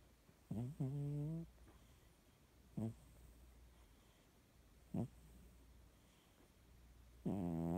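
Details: Cat snoring since midnight, recorded after 2 a.m.: short, low, buzzy-toned snores repeating about every two seconds, roughly 27 breaths a minute, over quiet room noise.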